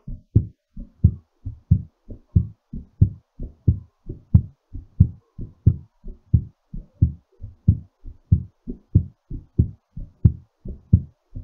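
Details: Regular, strong lub-dub beats at about 90 per minute: a normal, somewhat fast heartbeat recovering after exercise.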